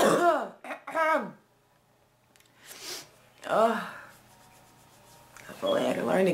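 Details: Adult woman with recurrent illness, ticklish cough, more productive today, earlier bringing up blood-tinged phlegm and feeling dizzy: bouts of voiced, strained coughing and throat clearing working phlegm up, pauses between; productive cough.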